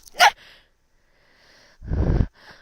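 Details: Person sneezing, played in reverse: a quick inhaled catch, then a forceful explosive sneeze burst and a breathy exhale.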